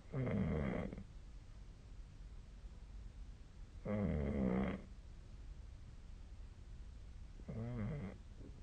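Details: Human snoring during sleep, with the SnoreLab snore app linked: three loud, rattling snores on inspiration at about 16 per minute, with quiet breathing between.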